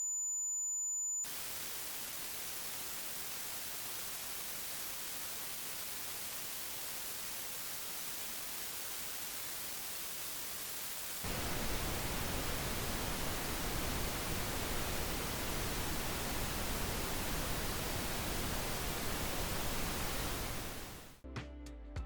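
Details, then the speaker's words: Steady simulated hissing noise, louder after about eleven seconds, an example of hissing-type tinnitus. "tenus is often described as ringing in the ears but it can also sound like buzzing humming grinding hissing whistling or even music here are some examples"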